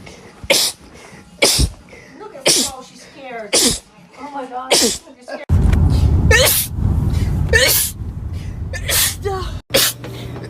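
A quick series of sharp, forceful sneezes from different people, some with a short breath in before, and brief talk between them.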